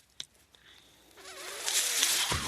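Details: Speaker's own mechanical ventilator, one breath cycle: a click, then a rising whoosh of airflow with faint whistling tones, ending in a soft thump.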